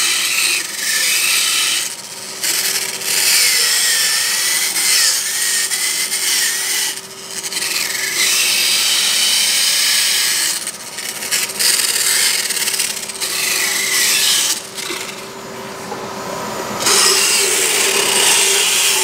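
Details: Rough grinding and rasping in bursts with short pauses: a diamond-coated power dental float filing a horse's tooth enamel during dental care; painless, though vibration may make it shake.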